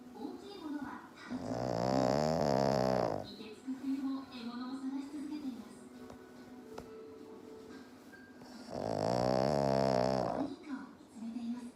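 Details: Black pug sleeping on owner's lap, snoring: two loud, rough, vibrating snores on drawn-in breaths with quieter snuffling breaths between, typical flat-faced dog snoring.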